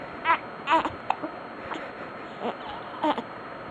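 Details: An infant gives short, fussy cries and whimpers in a quiet room, with pauses between bursts, upset by his hiccups: infant crying.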